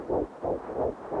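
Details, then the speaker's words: Fetal heartbeat: rapid, regular whooshing pulses at about 180 a minute, typical of a fetal heart heard by Doppler. "That's the sound of a child's heart beating. That can be measured now as early as 16 days after conception."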